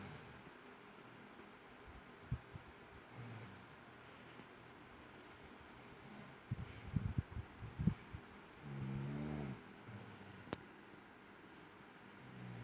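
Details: Baby snoring during sleep; quiet room with soft breathing, then a loud rough snore and a few snorts. A father's snoring is also heard in the recording.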